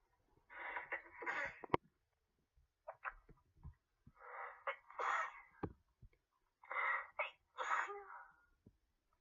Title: Me sneezing because of pollen